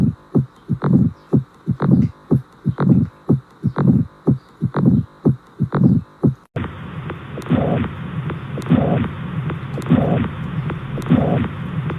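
Crisp, regular lub-dub heart sounds at about 60 beats a minute, a normal heart sound example.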